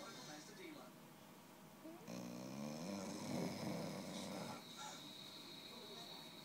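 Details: An 8-month-old blue American Staffordshire terrier snoring: one long, loud, rattling snore in the middle between quieter, steady breathing sounds.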